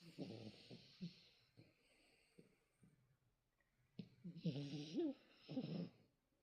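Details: Soft irregular snorting breaths with a few longer rattling, whistly snores in a quiet room: light snoring in a sleeping Maltese dog.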